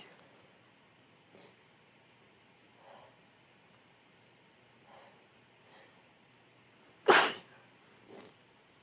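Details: Female with a cold in a series of 20+ sneezes: several soft sniffs and stifled puffs, then one sharp burst sneeze and a smaller one after it; sneezing with sniffles.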